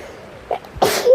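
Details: A short in-breath, then one explosive sneeze from a sick person in a tent, with soft rain noise behind; sneeze.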